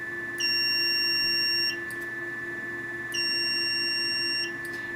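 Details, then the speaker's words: Venus Viva radiofrequency skin-rejuvenation handpiece during a full-face pass. Two high, steady electronic tones of about 1.3 seconds each play over a constant hum, each tone marking a completed pulse. "hope you'll notice the light on the candy felt light up and tells me when it's complete but the sound also tells me when the pulse is complete"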